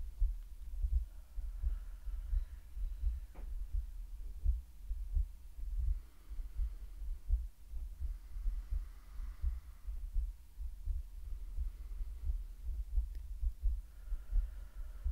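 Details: Woman's heartbeat in an ASMR medical roleplay, best heard on headphones: soft, steady low thumps at about 85 beats a minute under a faint hum. A regular, normal heartbeat.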